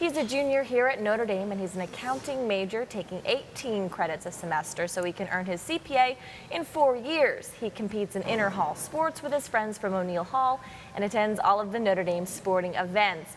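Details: Adult woman speaking; normal voice.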